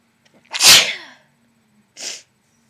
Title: Wet sneezes with variety